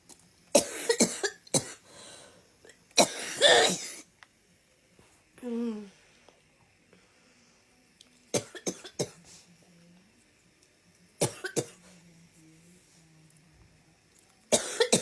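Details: Compilation of coughs from different people on TikTok: a run of separate cough bursts, some in clusters of two or three, with brief vocal sounds between.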